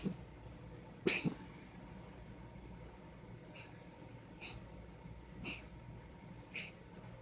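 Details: A cat gives five short, sharp, hissing hacks about a second apart while coughing up a hairball.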